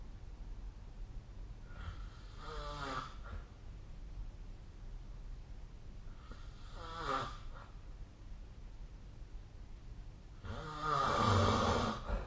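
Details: Snoring during sleep: three rattling snores, one on each breath in, about 13 breaths a minute, with quiet breathing between them in a still room.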